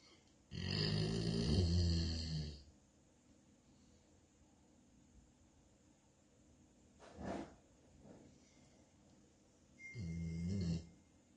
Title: The snoring Lab!